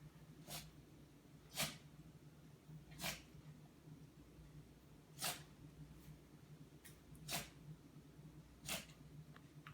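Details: A sneezing fit: seven quick, sharp sneezes within ten seconds over a low room hum.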